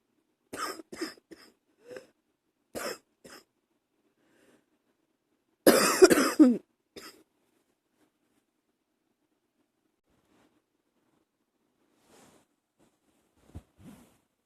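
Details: Early-morning coughing: several short, dry coughs and throat clearings in bursts, then quiet, with one louder harsh coughing fit in the middle.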